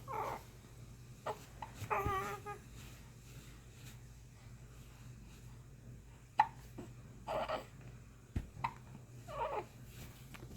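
Soft, brief spasmodic gulping sounds at irregular intervals in a quiet room; hiccups.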